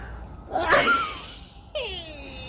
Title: Achan sneezing vs others... 🤣😂🤣😂🤣😂🤧#shorts#funnymoments